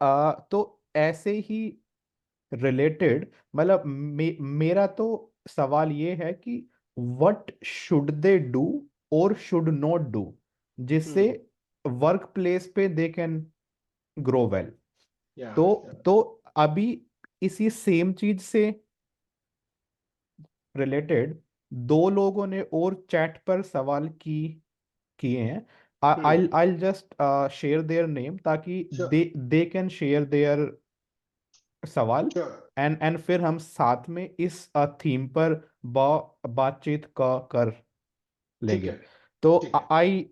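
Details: 24-year-old man with a self-described medium-level stammer (real, not acted), speaking Hindi with part-word repetitions; stuttering.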